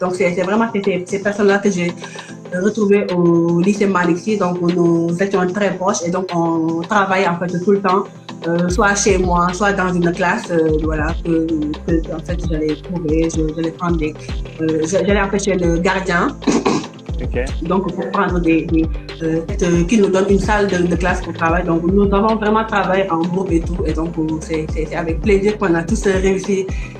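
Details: Adult woman who stutters and is working to overcome her stuttering; stuttering.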